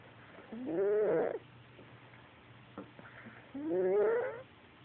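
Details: Sleeping tiger snoring: two long, rising, groaning breath sounds about three seconds apart, with quiet pauses between.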